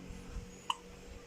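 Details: Infant aged 2 months and 9 days: a single short, sharp hiccup in a quiet room; an ordinary hiccup.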